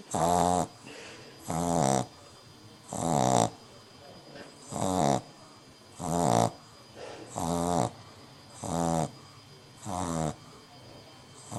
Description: French Bulldog snoring on her first night home